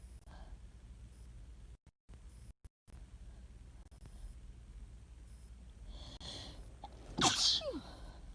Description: Just a few sneezes :)